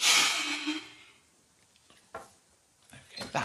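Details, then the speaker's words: Forced expiration during spirometry: the patient wears a nose clip and sits up straight, takes a deep breath in, then blows hard and fast as a best-of-three effort. One loud, fast, forceful blow tails off over about a second, then quiet breathing. "so if i give you that and i've put the nose piece on excellent and then sit up nice and straight deep breath in and hard and fast as you can"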